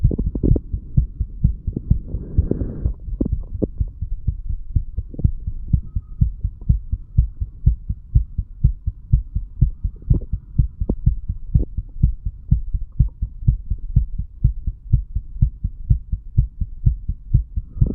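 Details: Heart sounds of a 35-year-old male recorded himself by stethoscope after drinking too much alcohol, a few hours after going to bed, moving from mitral to tricuspid area: steady, regular lub-dub with a brief early rustle.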